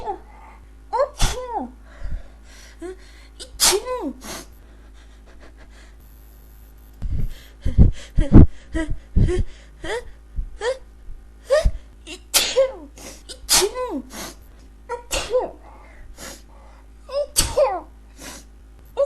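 Many sharp, explosive bursts, often preceded by a quick gasp, repeating over and over: a prolonged sneezing fit.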